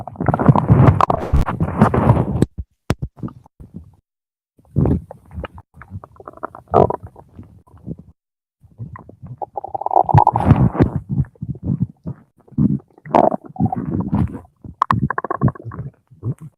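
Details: Loud, low gurgling and rumbling runs in bursts with pauses from a hungry 17-year-old male's stomach; stomach growling (borborygmi), a normal bowel sound.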